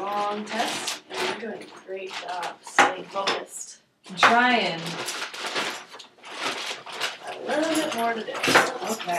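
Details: Adult clinician; normal speech.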